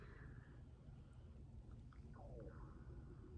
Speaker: Can you hear that was my stomach?